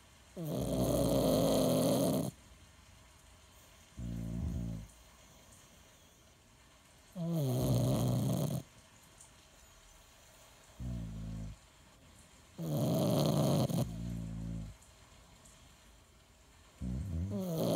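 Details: Snoring contest between a father and another sleeper: long, loud rattling snores about every six seconds, each followed by a shorter, softer snore.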